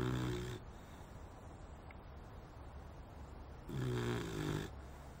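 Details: Sleeping puppy with two loud, rumbling snores about three seconds apart over a steady background hiss; snoring.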